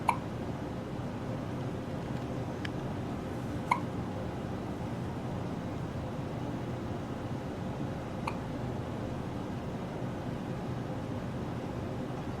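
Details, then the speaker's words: Newborn's first hiccups outside the womb, recorded on the day of birth: four brief, sharp hiccup clicks at irregular intervals over steady fan-like room noise; newborn hiccups. "Okay. first outside the womb hiccups."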